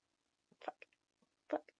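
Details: Vocal tic during speech in an adult with a Tourette-like tic disorder, after hours that day of uncontrollable vocal tics that hindered communicating: vocal tics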